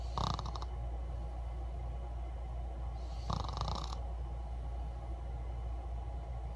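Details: Six-year-old child snoring: two rough, rattling snore bursts about three seconds apart over a steady low hum; ordinary snoring.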